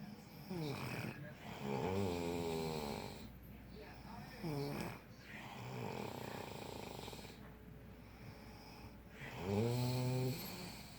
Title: The Neverending Snorey #snore #sawingwood #naptime #cozy